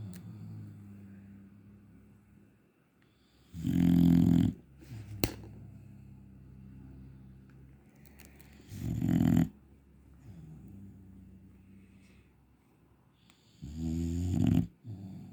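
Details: Three loud, rattling snores about five seconds apart, roughly 12 a minute, with softer breathing between, from a sleeping dog; heavy snoring.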